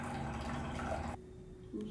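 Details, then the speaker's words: Ear irrigation for ear wax buildup with an irrigator, gentle flush: steady rushing and gurgling water that stops abruptly, then a quieter trickle as wax comes out. "we're just going to start with a gentle flush one two three [Music] coming out already been okay"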